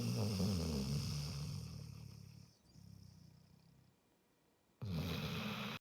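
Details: Sleeper snoring loudly: heavy, low, rumbling rattle that fades and then abruptly returns.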